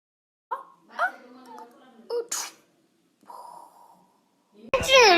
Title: 1600 sneeze🤧🤧🤧